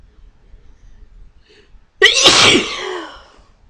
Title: sneezing again